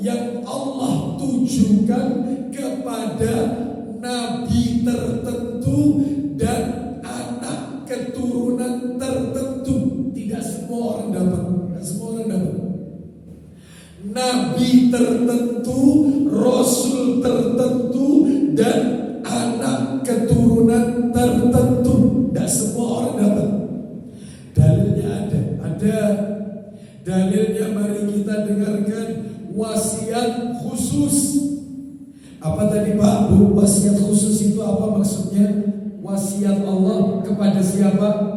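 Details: Adult male with a vocal cord disorder for almost 2 months, real, reportedly improved but still strained and forced; dysphonia.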